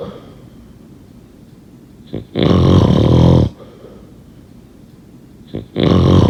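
Two loud, rough, rattling snores about three seconds apart, roughly 18 breaths a minute, with quiet breathing between them: snoring.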